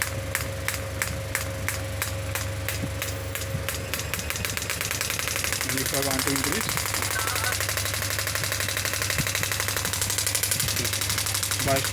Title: Pneumatic Shockwave Therapy Physiotherapy Biotronix Solution Forever